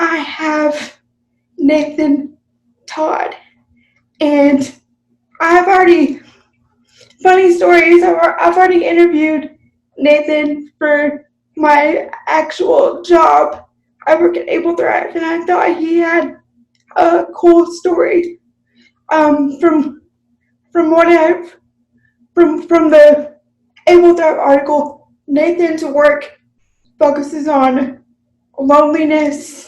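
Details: Dysarthric speech in an adult woman with cerebral palsy, unscripted podcast conversation.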